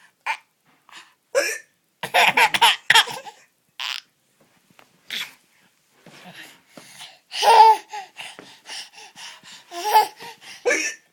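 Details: Almost 10-month-old baby laughing at mom's hiccups: short, sharp adult hiccup sounds between bursts of the baby's giggling and laughter.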